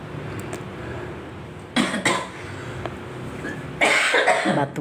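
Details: Two short clusters of harsh cough bursts over engine and room hum from a boy recovering from illness, now mostly well with only a slight lingering cough.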